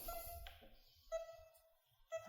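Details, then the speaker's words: Mindray uMEC10 multiparameter patient monitor with QRS volume switched on: two clear electronic pulse beeps, the beep sounding with each detected heartbeat. "para ligar e desligar o volume de qrs que aquele bip de pulso é esse barulhinho aqui ó"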